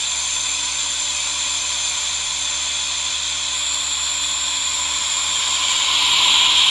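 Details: Steady high hissing hum of a running aerosol nebulizer mixed with a humidifier's misting; relaxation ASMR recording.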